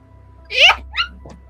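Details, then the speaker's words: Anime-style sneeze during a live role-playing game session: a brief, high-pitched, squeaky sneeze with a rising voiced tone, then a smaller second burst, over faint room hum. "bless you. >> I love those anime sneezes, man. Man, they give me the giggles [laughter] every time."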